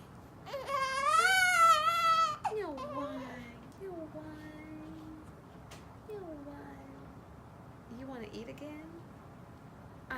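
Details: Newborn on his third day of life making coos and short squeaky cries in a small room, with his mother and a friend talking quietly nearby; ordinary newborn vocal sounds.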